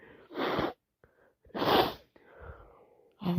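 Two forceful, wet-sounding sneezes with sharp inhalations before each, typical of sneezing with a head cold.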